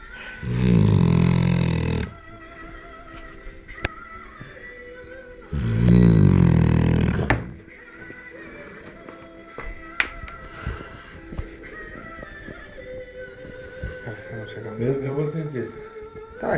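Two deep, loud, grunting snores, pig-like in quality, followed by quieter room noise with faint music; dog snoring.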